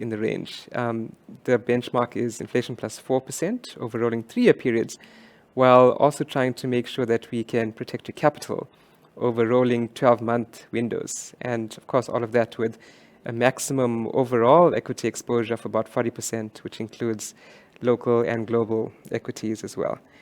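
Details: Adult male speaker; normal voice.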